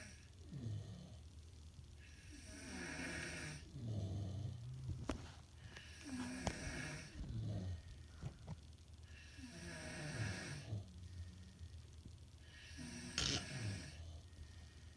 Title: SNORING VIDEO PART 2!! | LISTEN IN FULL VOLUME